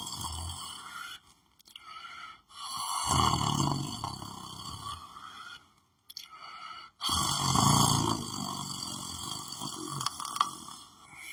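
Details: Lying on the floor asleep: long, rough, rumbling breaths with a buzzy nasal edge, separated by brief pauses, over steady room hum; snoring.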